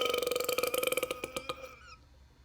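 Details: One long, loud, rattling belch that gradually fades out, from a compilation of LA Beast's burps; a prolonged burp.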